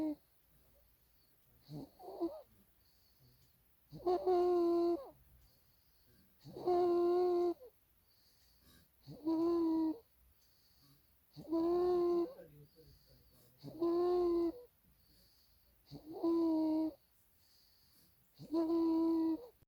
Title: snoring